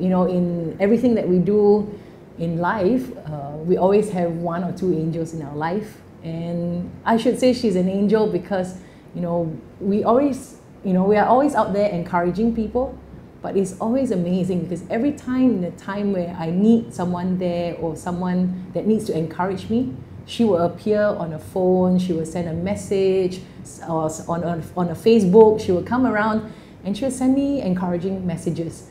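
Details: Adult woman speaking; normal speech.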